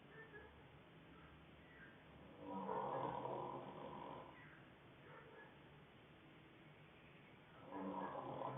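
Two rough, rattling snoring breaths about five seconds apart over steady low room noise.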